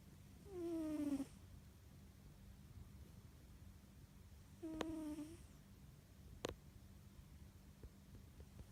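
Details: Snoring.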